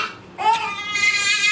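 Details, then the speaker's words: Infant son, breastfed, not settling for 3–5 days and parents believe he has wind despite burping and remedies; sustained high-pitched wailing cry in a small room, unsettled baby crying. "It's not settling today, man. He hasn't been settling for the last like 3 days, isn't it, Carl? Yeah, more than 3 days, like 4 or 5. Cause he's either got wind."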